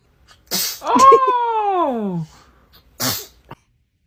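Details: A baby sneezing: a quick in-breath, a high sneeze burst with a falling squeal, then a second small sneeze; infant sneezing.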